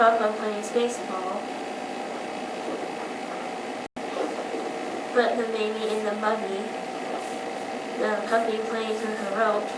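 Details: Speaker with a resonance disorder reading sentences containing no nasal sounds, showing marked hypernasality and nasal air emission on non-nasal consonants; hypernasality with nasal air emission.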